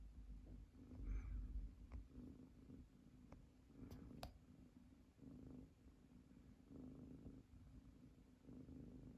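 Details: Female munchkin kitten sleeping with her legs stretched out, snoring: soft, low rumbling with each breath, swelling and fading in a steady rhythm in a quiet room.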